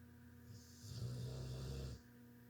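A single low, rumbling snore lasting about a second over steady room hum; snoring during sleep.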